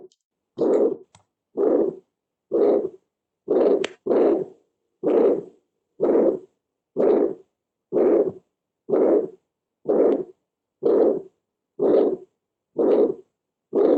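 Harsh, loud systolic murmur at about 62 beats a minute, typical of aortic stenosis.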